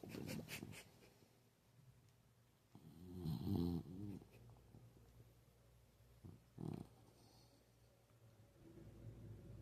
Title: VOLUME UP🔊😂 This boy is comfortable and it's definitely obvious #sleeping #puppy #Beebo #snoring